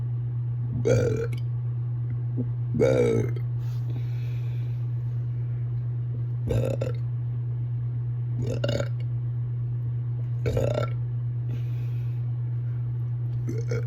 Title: Hiccup Burps